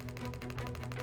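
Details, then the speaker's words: Rapid, regular rattling taps as a radial shockwave device works along a tensioned rotator cuff muscle to break down shoulder scar tissue and adhesions, with the clinician's commentary; radial shockwave therapy device in operation. "And what we're doing is putting hyper-concentrated sound waves in here that are melting away any of that scar tissue that's built up in there."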